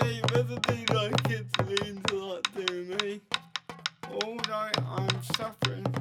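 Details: 32-year-old man born with cerebral palsy, dependent on 24-hour care, with slurred speech that worsens when tired: dysarthria (cerebral palsy)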